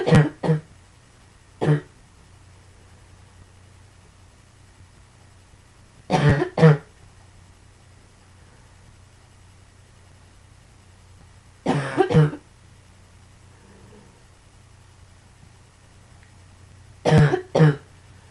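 Four bouts of paired short coughs, about eight coughs in total, over a steady low room hum.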